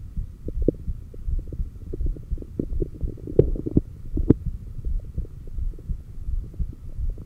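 Soft, fairly regular heartbeat through a stethoscope at about 85 beats a minute over a low hum, with a few louder clicks; normal heart sounds.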